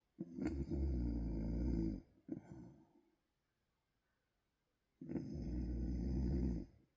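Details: Loud, deep, rattling snores on breaths in with a quiet pause between them during sleep; ordinary heavy snoring.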